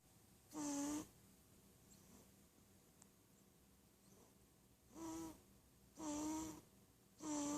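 Repeated voiced snores with quiet breathing between them, in a small quiet room.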